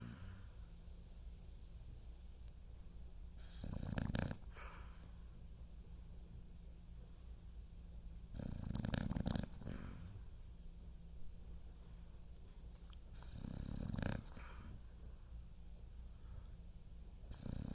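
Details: Low rumbling snores recurring about every five seconds, roughly twelve a minute, over a steady background hum; snoring.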